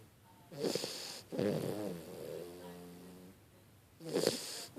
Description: Pocket snoring away!